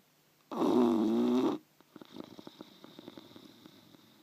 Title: Barry Bulldog snoring.